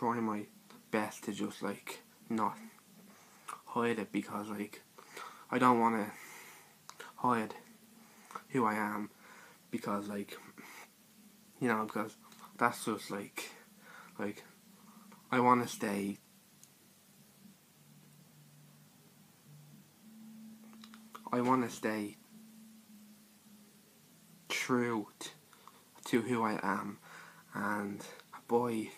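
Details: Stuttering (stammer) in a male speaker describing his own speech; this stretch has repeated words and pauses.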